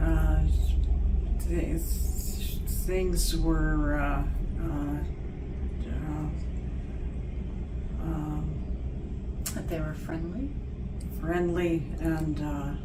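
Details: Non-fluent aphasia in a mother who attended an intensive comprehensive aphasia program; the cause is not stated (progressive aphasia or stroke/brain injury possible).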